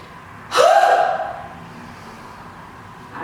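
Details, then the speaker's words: Demonstrated huff (forced expiration technique) from active cycle breathing to clear chest secretions during a cold, done seated and relaxed: deep breath in, then one strong open-mouthed breath out fading over about a second. "should you feel like we've got secretions ready to cough up my nice deep breath in and a strong Hoff out"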